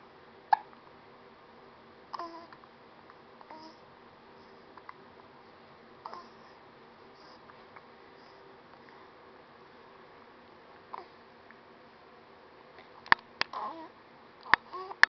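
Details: Happy baby with recurring short, sharp hiccups, irregular at about 30 a minute, with soft baby vocal sounds between them in a quiet room; hiccups.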